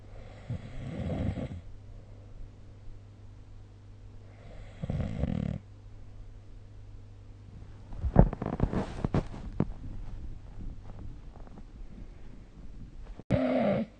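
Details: Adult snoring recorded with the SnoreLab app: deep, rumbling snores roughly every four seconds, with a rustling sound between them.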